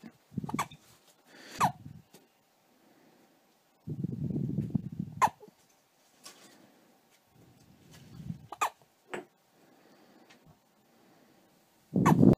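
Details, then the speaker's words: Hiccups in a two-day-old newborn baby boy: brief, sharp, repeated catches in breathing with soft fussing between them; ordinary, harmless baby hiccups. "just said is doing it for mommy and he's got the hiccups"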